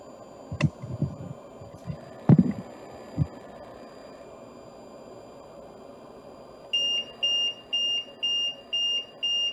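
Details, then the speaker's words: Soft thuds then a repeating high electronic beep from a ventilator on an intubated Leonardo COVID-19 patient simulator, alarming as compliance drops from 100% to 33% and resistance is changed. "so here we're going to change compliance and resistance you'll hear the ventilator start to kick doesn't like"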